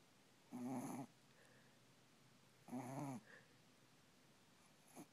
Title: Moxie (yorkie) sleeping and snoring